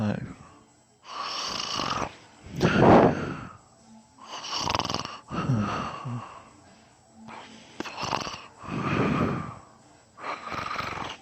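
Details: Loud, rattling snores alternating in and out, roughly seven breaths in ten seconds, from a person snoring heavily during sleep.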